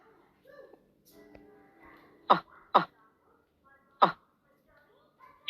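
Three short, harsh bursts from the throat over a faint hum of voice or music, fitting repeated throat clearing.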